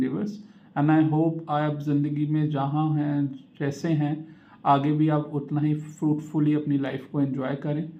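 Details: Adult male speaker; typical speech.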